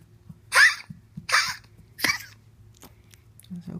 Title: Mighty coughing more 11/8/16